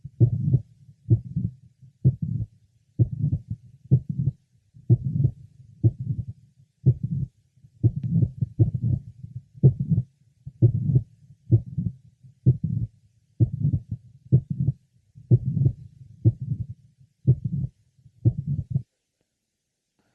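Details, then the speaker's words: Patient with Marfan syndrome and mitral valve prolapse, heard at the apex: about 63/min, a systolic click introducing a late apical systolic murmur, with an occasional premature beat. "our next patient with Maran Syndrome has a systolic click introducing a late apical systolic murmur"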